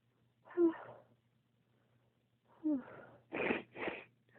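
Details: Sneezing spell triggered by cold toes after getting out of bed without warm socks, a trait shared with the dad; two voiced sneezes with a pause, then two shorter sharp bursts.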